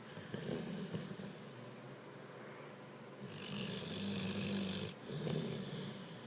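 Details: Dog snoring: continuous noisy, rough breathing with a low snoring rumble on each long breath over background hiss.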